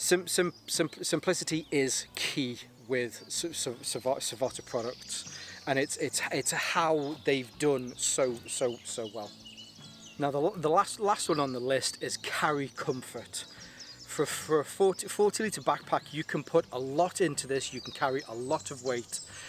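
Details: Adult male with a stammer he links to his anxiety, lingering but improving; stuttering.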